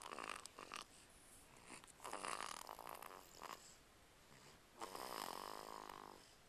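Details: Snoring during sleep: repeated rough, buzzing breaths, each drawn in with a vibrating rattle.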